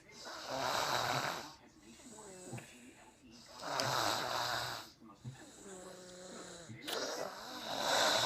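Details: Snoring recorded March 2014: loud, rough snores on each breath in with quieter whistling breaths out, about 18 breaths a minute.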